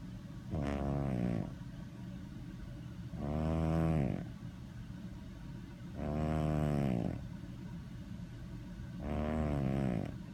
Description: Adorable Doris sleeps, snores and dreams.